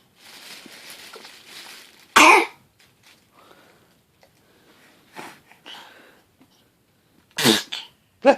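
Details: Pet coughing oddly, then making faces: three abrupt, harsh bursts, one early and two close together near the end, with soft rustling and quiet between.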